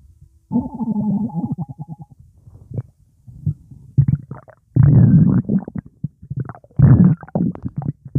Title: Coke a cola swirling around my stomach